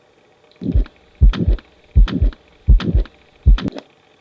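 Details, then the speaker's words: Pediatric teaching recording: aortic stenosis, heard best at the aortic area, radiating toward the carotids. Regular heartbeat near 81 per minute with a rough whooshing ejection systolic murmur filling systole, preceded by a click. "هنسمع الاورك ميرمار ستينوس ديت بيحصلها بروجش فين للكارد ارتري مع الدايركشن بتاع البلاد فلو دي الاورك استنو وقلنا اورتك سنوز اكتر مكان اسمعه فيه على الاورك"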